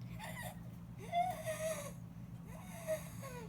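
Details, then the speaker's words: A child with a cough and coughing fits during sports imitates the breathing noise he called wheezing when he couldn't get his breath in: a high, tight, whistling noise on breathing in; imitated inspiratory stridor from vocal cord dysfunction. "it gave because I couldn't get her breath in and I was just wheezing and I couldn't breathe and that thing that you called wheezing what did it sound like can you show me"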